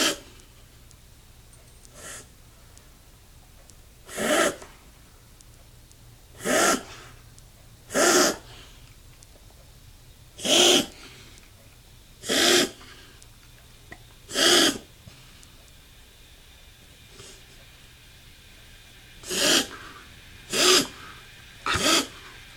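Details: 11-year-old dog named in owner's concern; owner very concerned, asks whether cough is normal: about nine sharp, forceful expulsive bursts a few seconds apart in a quiet room; dog cough.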